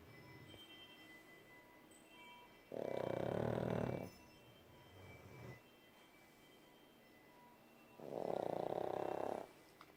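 Two loud, rough snore bursts about five seconds apart over a quiet background with faint chiming tones.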